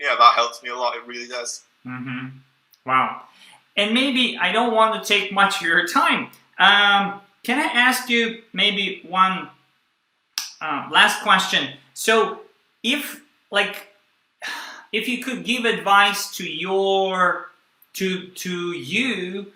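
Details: Stuttering since childhood in a young adult man (stuttered his first 18 years) who still stutters and blocks, using a breathing technique only some of the time.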